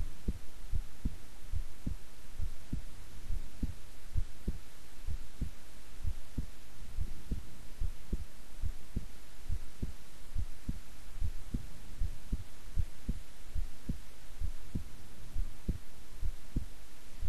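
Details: Own heartbeat recorded at length while keeping still and relaxed: regular low lub-dub at about 70 a minute over constant background hiss and hum; resting heartbeat.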